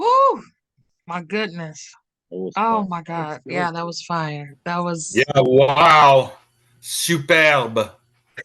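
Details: Adult speaker; normal speech.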